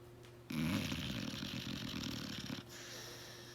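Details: Blue nose pit bull dog asleep: a single long, rough, vibrating snore over a steady background hum; snoring.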